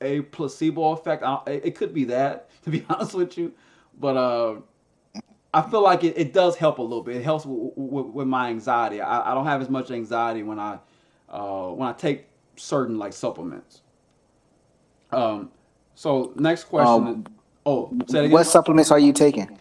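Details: Stuttering in a man who stutters and uses a SpeechEasy device, a Bluetooth earpiece with a phone app that feeds his own voice back to him.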